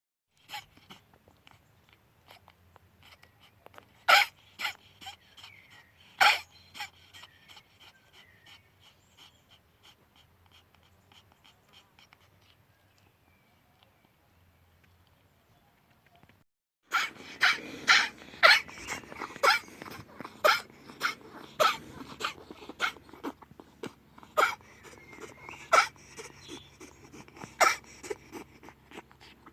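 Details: Sick ferret on heart tablets, 36 days after a predicted 4-week lifespan, coughing from fluid in the lungs. Repeated short, sharp, dry coughing bursts in irregular clusters.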